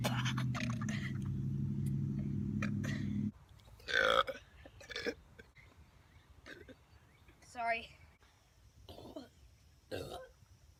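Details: Girl burping: a long, loud, voiced belch of about three seconds, followed by a few short quieter sounds and brief breaths; ordinary burping.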